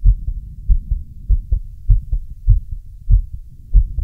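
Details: Adult male's own heartbeat, a real recording: steady low lub-dub sounds, roughly 50 beats a minute, with a faint hum; normal heartbeat.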